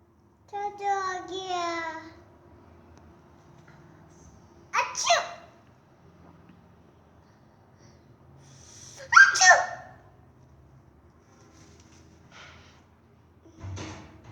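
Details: A young child's imitated, pretend sneezes: a sung wind-up sound, then two sharp, breathy 'choo' bursts.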